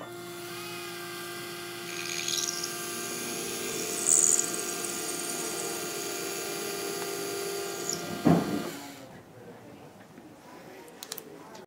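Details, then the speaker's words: Dental implant site preparation for a 3.75 mm by 13 mm MIS C1 implant: the single-use final drill, matched to the 13 mm length, is buried up to its single depth line, giving a steady high whine for several seconds, then stopping. "this one is exactly the length i would need for this 13 millimeter implant there's only one line on the drill so I would bury the drill up until that line"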